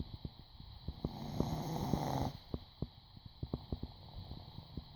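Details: Dog lying under his owner's folded legs on a couch, snuggled close and fast asleep, snoring loudly: one long, low, rumbling snore amid soft clicking and snuffling.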